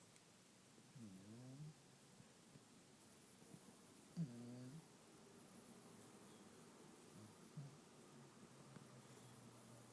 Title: snoring